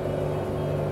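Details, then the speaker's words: Electric suction machine (aspirator) for clearing airway secretions, running while the suction rate is lowered to 200 then raised to 300: steady low motor hum and drone. "let me test it the suction rates so for example i want to decrease it let's say i want it to be like in 200 then it is coming down 200"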